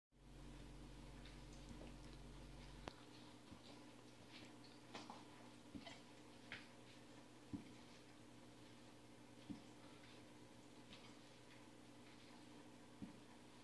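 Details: Golden retriever puppy with soft, brief clicking hiccups repeating every second or two over a steady room hum.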